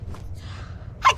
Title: 빙하기가 추워서 만든 리코 재채기 모음 3편